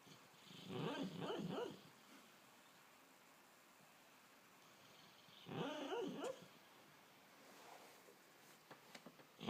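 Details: Sleeping dog dreaming: soft, muffled whimpers and little yips in two short bursts; sleep vocalizations during dreaming.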